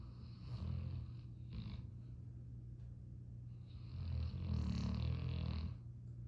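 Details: Snoring during sleep: two drawn-out, low, deep rumbling snores with a soft wheezy hiss on top.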